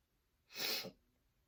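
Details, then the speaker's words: Single short, hissing, stifled sneeze in a quiet room from someone in a cheetah costume who has been sneezing a lot and may skip Halloween trick-or-treating; sneeze. "I don't know if I'm going to be able to go out tonight because I've been sneezing a lot."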